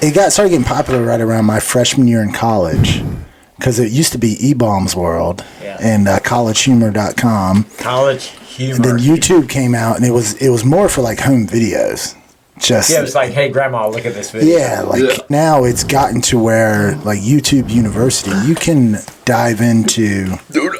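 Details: Adult man speaking; typical speech.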